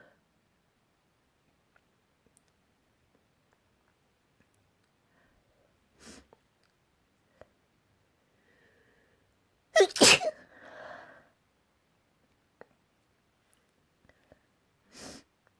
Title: Variety sneezes